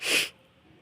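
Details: Adult who is sneezing frequently, sneezing during a home voice-over.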